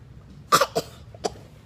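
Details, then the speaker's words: A child's cough in a quiet room: three short, dry coughs, two close together and then one after a brief pause, while another speaker disputes the coughing as fake. "yes I'm still coughing no you're not yes baking you're coughing yeah uh you don't need a cough drop yes I am you're Faker No I'm not you're not coughing yes I am"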